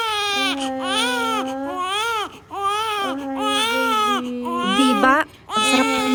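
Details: Newborn in a Japanese maternity hospital crying in the nursery, loud and rhythmic with brief breaths between bursts; ordinary healthy crying.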